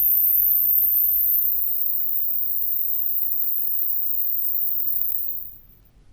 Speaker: As this sound gets louder, pay attention to the moment you stop hearing it. The number on the screen will show your hearing age.